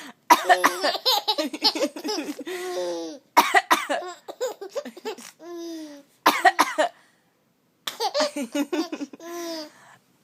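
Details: Four bouts of short, explosive coughing bursts, each running into a drawn-out voiced laugh-like sound: repeated coughing mixed with laughter.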